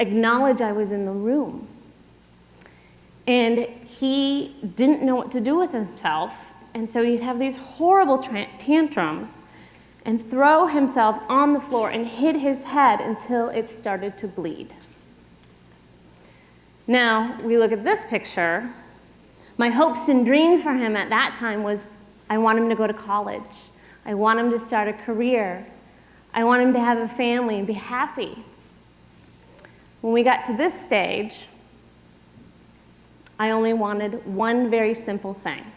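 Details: Adult woman speaking to an audience; typical speech.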